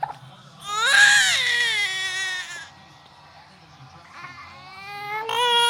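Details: Newborn baby boy, upset by hiccups, gives a loud high wailing cry that tapers off, then starts again more quietly; infant cry.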